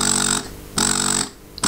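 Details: A Pumpables Super Genie electric breast pump running in expression mode at cycle level 40 and vacuum level 1 and upward: a loud rhythmic motor hum with a high whine, cycling on and off about twice in under two seconds.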